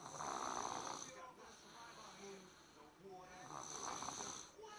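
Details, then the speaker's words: Man snoring while a mother lies beside him trying to sleep: loud, rough snores on two breaths within a few seconds, rattling vibration on the in-breath. Ordinary snoring. "Laying here trying to sleep. That man snore."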